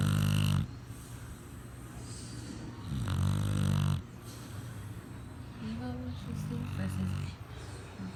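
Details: 8-month-old female Pitbull asleep: deep, rumbling snores with a fluttering, vibrating quality, several breaths in eight seconds, over steady room noise; snoring.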